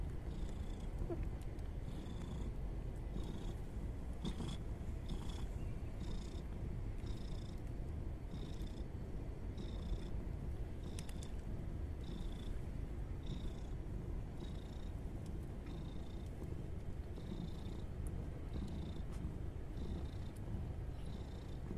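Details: Steady low rumbling purr with faint high chirps repeating about once a second from a mother cat nursing her five newborn kittens and kneading.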